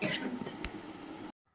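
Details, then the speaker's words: Adult coughing in the background, while ill after a migraine with vomiting. "ഇപ്പൊ നിങ്ങൾ ബാക്ഗ്രൗണ്ടിൽ കേട്ട ആ ഒരു ശബ്ദം അത് എന്റെ ചുമയാണ് കേട്ടോ മൈഗ്രേൻ എടുത്ത് വോമിറ്റ് ചെയ്ത് ഒരു പരുവം ആയിട്ട് ഞാൻ നിൽക്കുകയാണ്"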